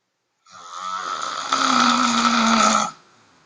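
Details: Woman who says she snores often, recorded by her sister at her parents' house: one loud, rattling, buzzing in-breath lasting about two and a half seconds; heavy snoring.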